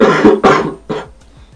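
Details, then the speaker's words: Three quick, harsh cough bursts from an adult, each fading a little, then quiet in a small room; cough with a cold, before treating it with folk remedies. "когда услышали всю палитру обертонов моего кашля принимаемся за лечение народной медицины"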